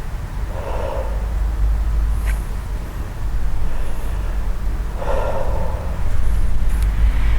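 Two slow, deep breaths through the mouth, about four seconds apart, over a steady low rumble; normal breathing for chest auscultation.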